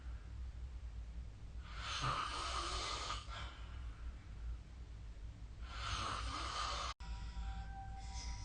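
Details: Two long, rough snoring breaths about four seconds apart over steady room hum, recorded with the SnoreLab snoring app.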